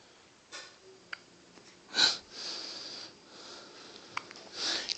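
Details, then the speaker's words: Soft breathing broken by a few brief, sharp catches in a baby girl: infant hiccups, with her chest visibly caving in with each hiccup. "This is the lily pad, and this is her hiccuping. Notice the chest that caves in."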